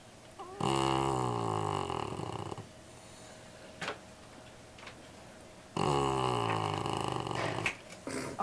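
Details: Black Labrador puppy asleep at the office, snoring: two long, rattling, low snores on the in-breath with a quiet pause between.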